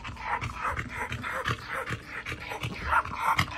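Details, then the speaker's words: Male dog, agitated for about two days because a female in heat refuses mating: rapid, heavy panting about three breaths a second, owner says it sounds like an asthma attack. "Listen to this, guys. That's not his chain. That's him. Sounds like he's having an asthma attack."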